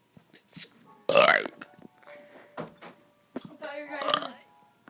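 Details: Child burping repeatedly: several short, loud voiced burps mixed with brief vocal sounds; the child says their stomach is in pain.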